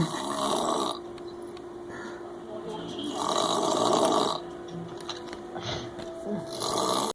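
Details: Rough, rattling snores in recurring bursts with a steady tone and room noise in the background; snoring.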